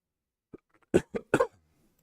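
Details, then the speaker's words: Adult man with a voice wearing out gives a brief run of three dry coughs, preceded by a small catch of breath. "right my voice is um wearing out rapidly as you can probably hear so I'm going to go and have a um finish my cup of tea find some cough mixture"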